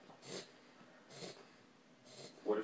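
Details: A 10-week-old puppy reverse sneezing: three harsh, snorting breaths drawn in through the nose.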